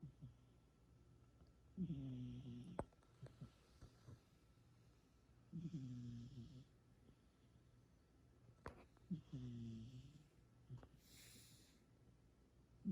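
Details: Sleeping female cat, said to be dreaming, snoring softly with a rattle on each in-breath, about 16 breaths a minute, in a quiet room: ordinary snoring.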